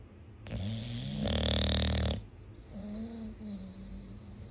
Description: Listen to the sound of this English bulldog snores like hooman. So cute.